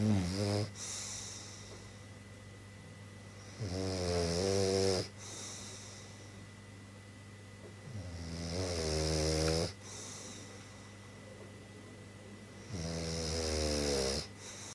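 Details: Slow, regular snores about 13 a minute, each a drawn-out rumbling, fluttering breath with quiet gaps between, from a sleeping English (British) bulldog, a flat-faced breed; snoring.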